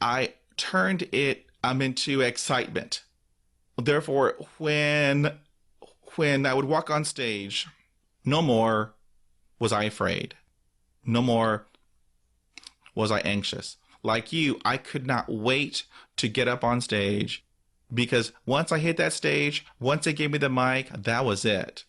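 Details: Real stuttering in an adult man who stutters, with interjections and repetitions; finding: stuttering.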